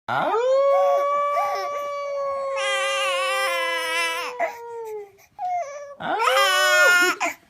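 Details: Baby boy crying on hearing a wolf sound: a long, high, steady wail with a howl-like quality early on, breaking into sobbing cries.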